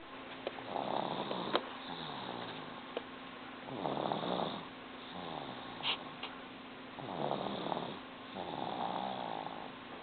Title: snores